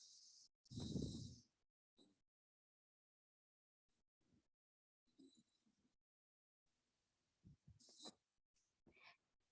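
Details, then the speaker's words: Breath sound of the kind typical in bronchitis, heard on inspiration and prolonged on expiration: a brief low-pitched, coarse rumbling from airflow through secretion-narrowed bronchi, lower-pitched than wheeze; dry rhonchi. "ah ini ah nadanya lebih rendah ya daripada wizink tadi di seperti ada Garden atau stridor nya ya tuh suara gemeretak juga kita dengarkan lagi geh itu tadi suara ronki ya atau ronki kering"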